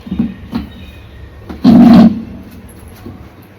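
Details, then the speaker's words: A single loud, sudden sneeze through nose and mouth, forceful enough to knock the wearer's bindi loose, during a sneezing and nose-blowing challenge, with faint room noise before and after. "मेरा बिंदी खुल गया, छींकने से। देखिए बिंदी जो पहनी थी वो खुल गया।"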